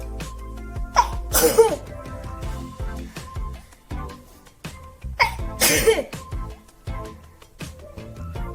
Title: sneezing challenge by indian girls